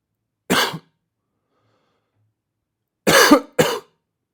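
A single cough, a pause, then two more quick coughs: three short, harsh, dry-sounding coughs from a sound-effects recording.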